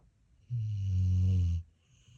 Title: Browser snoring